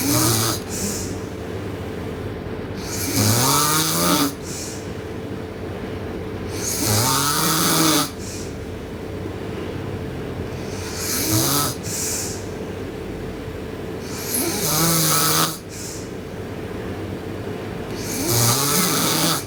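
Loud, rumbling snores on each breath, with noisy airflow in between, about 16 breaths a minute in a sleeping girl.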